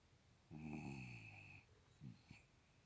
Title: puppy dog snoring